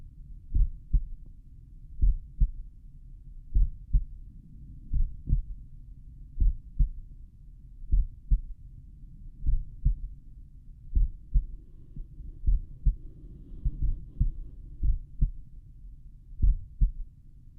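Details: Own heart recorded at the mitral area with a stethoscope while lying on the back, playback slowed: steady paired low thumps, first and second heart sounds; heart sounds.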